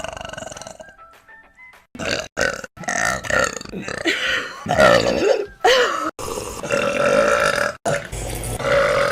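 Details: A string of loud, drawn-out burps with rising and falling pitch, cut together with music and brief gaps, from a burp compilation; repeated belching.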